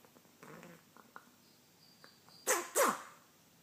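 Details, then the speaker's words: Hen sneezing and gurgling in a recurring day-long raspy episode, still eating, keeping weight, bright comb, no eye discharge, stretches neck gasping after sneezes; owner suspects allergies. Soft snuffling, then two sharp explosive sneezes in quick succession. "she's eating she's really raspy and she sneezes and she gets us every once in a while that's about a day and she's better right"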